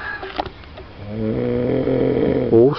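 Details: One long, loud, rasping snore on the in-breath with a sharp rise at the end, from a person asleep in a noisy van at 4 a.m. on a tour; heavy snoring.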